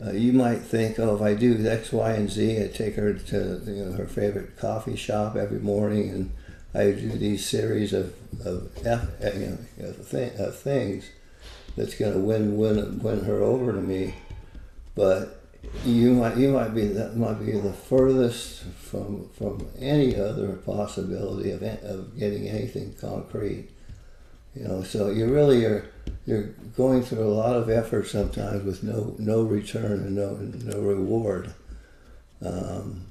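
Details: Parkinson's disease, a neurodegenerative disease, in an adult man living with it for more than 20 years, with visible shakes; Parkinson's disease speech.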